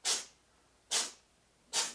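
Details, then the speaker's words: Cat sneezing: three quick, hissy sneezes evenly spaced in a quiet room. "my cat is sneezing if you can hear that"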